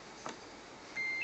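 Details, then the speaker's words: Power-on beep of a Terumo syringe pump as it is switched on before use, while connected to mains power and charging its battery. "baik sebelum kita melakukan [Musik] e sebel melakukan tindakan maka kita akan melakukan menghidupkan ST yaitu on off"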